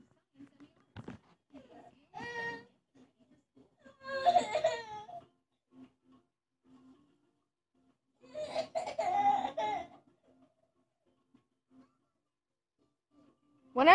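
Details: Young girl with an ear infection: bursts of distressed crying and whimpering separated by quiet gaps, crying from ear pain.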